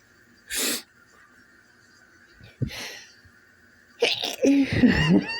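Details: Repeated sneezing on waking in the morning: two sharp explosive sneezes, then sniffing and a breathy groan; sneeze.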